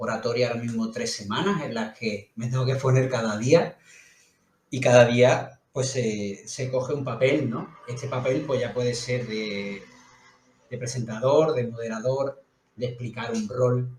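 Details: Adult man who stutters; stuttering.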